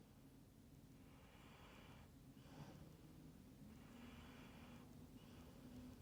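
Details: Husky dog snoring: slow, rhythmic noisy breaths with soft snorting sounds over a steady low rumble.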